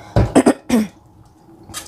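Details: Adult woman with a hoarse voice: a quick run of about four short, harsh coughs, then quiet room tone; a brief coughing bout.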